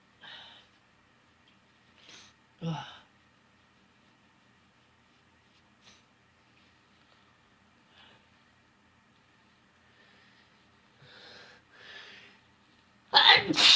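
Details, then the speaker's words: Sneeze, possibly induced by chutney: a few quiet breathy catches and sighs, then one sudden loud sneeze at the end; an ordinary sneeze. "Phew. Oh gosh. Powerful sneezes tonight. Holy cow."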